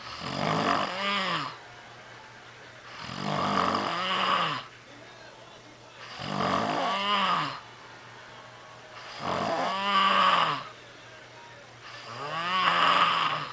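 Loud, regular rumbling snores with a groaning, voiced quality on each breath, about 20 breaths a minute.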